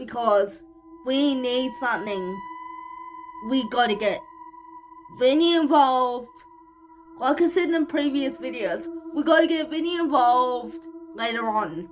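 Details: Dysarthric speech in cerebral palsy, 25-year-old woman speaking in a vlog.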